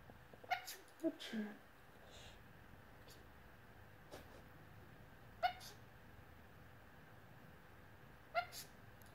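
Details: Australian lorikeet (pet bird) mimicking sneezing: several short, sharp sneeze-like bursts with squeaky chirps, an imitation rather than a true sneeze.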